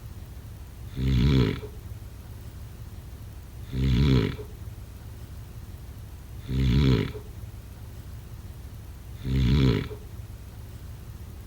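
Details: Snoring during sleep: loud, regular, rattling snores, about 22 a minute, each a deep vibrating rumble on the in-breath, with quiet gaps between.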